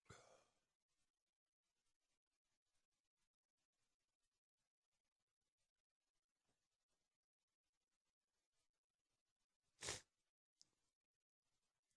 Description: Allergies acting up this morning. Sniffling, stiffles and sneezes.